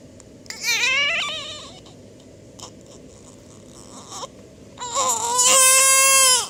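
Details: Infant crying: a high wavering wail, a quieter pause, then a louder sustained cry.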